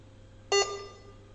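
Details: A single short electronic beep over a low background hum as a 50 mL syringe pump, set to 8 mL/hr for a baby, starts infusing after Enter and Start are pressed.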